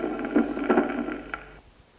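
Harsh, scratchy, leathery bursts repeating with the heartbeat over a faint hiss: a pericardial friction rub.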